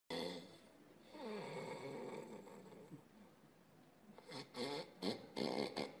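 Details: Snoring during sleep, heard in a Tunisian comedy scene; snorer denies snoring, weight gain mentioned.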